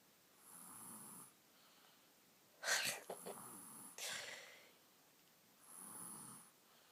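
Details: Snoring during sleep in a boy after eating chocolate cake: two soft rasping snores with a quiet pause between and a brief rustle in the middle.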